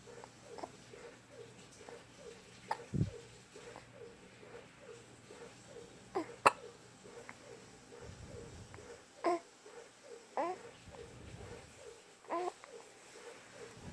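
Brief, sharp, irregularly spaced catches against steady background hum and faint babble; hiccups.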